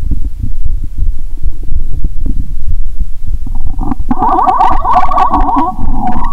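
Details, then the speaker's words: Stethoscope on the abdomen after drinking cola with Mentos, belly painful: low gurgling and bubbling rumbles rising into a louder, squeaky gurgle, bowel sounds (borborygmi). "Bạn có thể nghe thấy âm thanh của cola trong dạ dày của mình 👂 ♪. "Rốt cuộc là đau quá 😂"."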